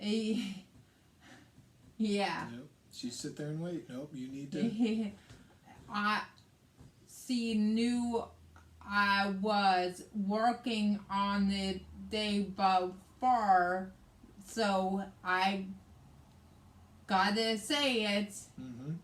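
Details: Aphasia in a woman after a hemorrhagic stroke on May 19, 2020, with right-sided hemiparesis, brain surgery and an ICU stay; the aphasia also affects her reading and writing.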